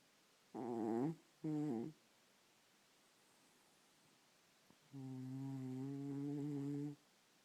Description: My cat snores loud